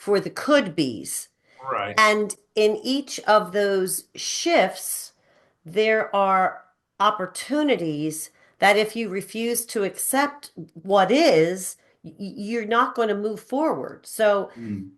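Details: 45-year-old man with cerebral atrophy and ataxia, a degenerative brain disease diagnosed in 2013 (also given as 2014) affecting movement, balance and speech; speech changes began around 2020 as it progressed; ataxic dysarthria.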